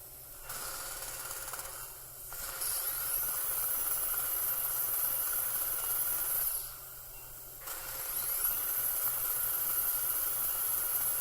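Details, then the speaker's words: Dental implant osteotomy. After a contoured pilot drill, a 2.3 mm pilot drill is taken to 16 mm depth (about 3 mm gingival thickness), between the central and cuspid, for a 13 mm tapered implant. A steady high-pitched drill whine runs in long stretches with brief pauses. "so that's utilizing our contoured pilot drill the next drill we only use is a 2.3 millimeter pilot drill"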